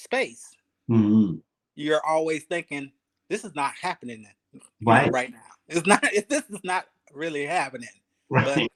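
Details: Aphasia in a 52-year-old male ischemic stroke survivor, speaking 3 years after his stroke; he is still working on his speech, thinking about every word, syllable and cadence.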